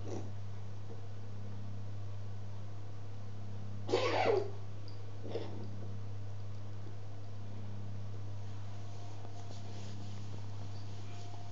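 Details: Cat with a cough lasting ages, now almost daily and sounding really bad, cause unknown to the owner: one short, harsh coughing burst, then a faint second sound, over steady electrical hum.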